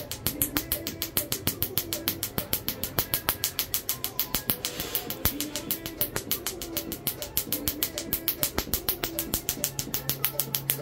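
Rapid regular snapping pulses, about 200 a minute, of a tattoo removal laser firing, with background music.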